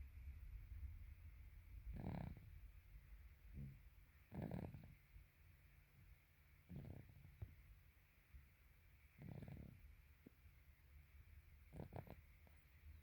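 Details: 18-week-old snoring in sleep: soft, low, rough breathing noises recurring about every two and a half seconds.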